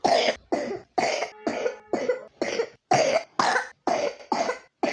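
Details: 3-year-old child with pneumonia: about ten harsh, forceful coughs in rapid succession with brief gasps between; repetitive chesty pneumonia cough.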